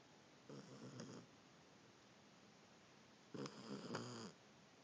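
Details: Chewbacca (Chewie), a dog sleeping on a couch, gives two fluttering snores about three seconds apart over steady room hiss; ordinary snoring in a sleeping dog.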